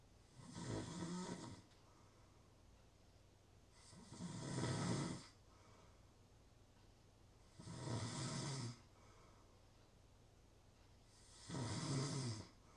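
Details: Real snoring: four loud rumbling snores at a steady pace of about 17 breaths a minute, quiet between.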